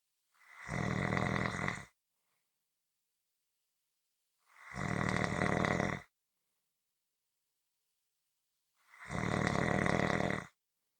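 Loud, rough, rattling snores, about fourteen a minute, evenly spaced with silence between them. Regular heavy snoring.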